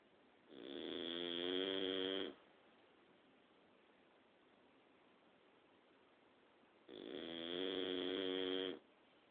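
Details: Dog snoring during the night: two long, buzzing, rattling snores about six seconds apart, each with a whistling edge, with steady room hiss between them; snoring.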